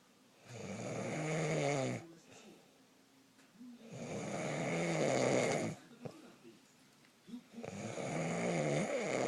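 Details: Snoring during sleep: long, rattling snores on each breath in, about every three to four seconds, with quiet pauses between, likened to a garbage disposal with a nail in it.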